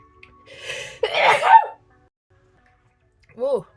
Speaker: Sorry, I did move away from the camera, but as you can hear, my sneezes are quite loud.